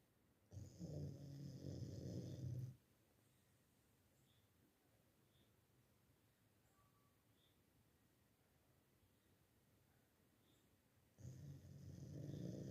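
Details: Dog snoring: two low, rumbling snores separated by a long, quiet breath out, in a quiet room; ordinary snoring in a sleeping dog.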